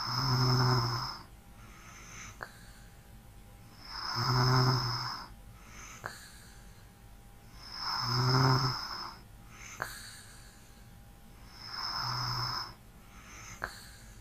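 Slow, regular snores of about 15 a minute, each a low rattling inward breath with quiet breathing between and a faint room hum.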